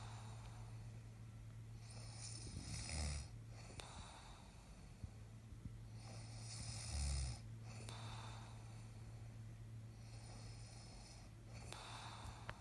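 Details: Low, rumbling snores on each breath in, about three in twelve seconds, over a steady room hum: ordinary snoring in a sleeping man who thinks he doesn't snore.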